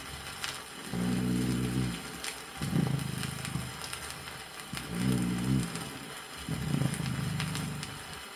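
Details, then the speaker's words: Low, loud humming dry rhonchi recurring with each breath, about 15 a minute, in a patient with pulmonary emphysema and pneumosclerosis; 1964 USSR vinyl teaching record of auscultation. "низкие басовые хрипы при [музыка] [музыка] [музыка] бронхите громкие гудящий сухие хрипы у больного с эмфиземой лёгких и пневмосклерозом"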